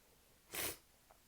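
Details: Sneeze while drunk: a single sharp, hissing sneeze burst in a quiet room.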